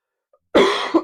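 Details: One abrupt, loud cough burst with a short throaty tail, then quiet; a single dry-sounding adult cough during a live Q&A where the speaker apologizes in advance for coughing.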